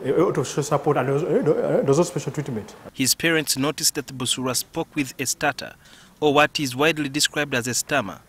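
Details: Adult male narrator; normal fluent speech.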